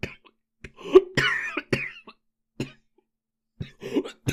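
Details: Japanese boy coughing: several short, sharp coughs with throat-clearing and breathy gaps in a small room.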